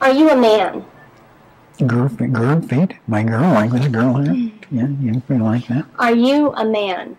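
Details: Man with severe, long-term persisting Wernicke's aphasia, producing fluent speech without articulatory problems but with words that do not form meaningful sentences, and with severely impaired comprehension; examiner's questions are mixed in.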